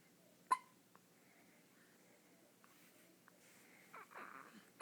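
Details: Ten-day-old baby with hiccups: one sharp, abrupt catch of breath, then faint clicks and soft babbling in a quiet room; a hiccup.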